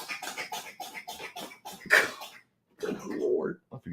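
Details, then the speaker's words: A cat (named in the recording) has a sneezing fit, heard in the background of a live broadcast: sneezing. "That cat has got a sneezing fit."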